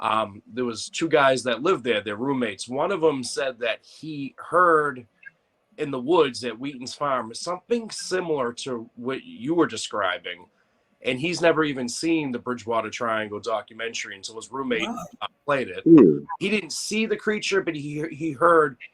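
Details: Dysphonia in an adult man after vocal cord cancer and operations; he lost his voice, it partly returned, and his voice does not carry far.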